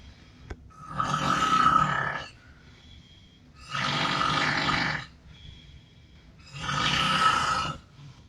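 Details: Offshore coworker snoring, keeping a man awake: three loud, rough, rattling snores about every three seconds with quiet pauses between, in a small room; heavy snoring.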